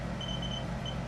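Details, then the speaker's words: Electrotherapy device acting as an impedance meter during cold laser treatment of left-foot plantar fasciitis in a large adult male basketball player: steady low hum with short high beeps as it finds a tender spot near the heel. "we're going to set the electrotherapy at the same time which is really it acts as an impedance meter"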